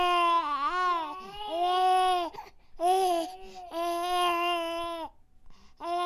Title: Baby crying soung effects - Baby whining sound effect (HD)